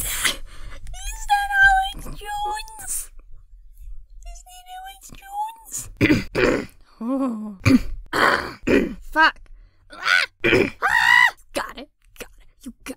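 An adult voice actor coughs and clears the throat repeatedly, with groaning vocal sounds between short bursts.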